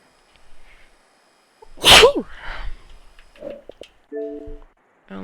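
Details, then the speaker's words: Female streamer during gameplay: a single loud, explosive sneeze, followed by brief mumbling and game sounds; sneezing. "Oh my god. I'm going to sneeze. Bless me. I'm blessed."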